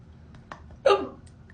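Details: Person with hiccups during a night-time skincare routine: a single abrupt hiccup, a sharp voiced catch of breath, in a quiet room.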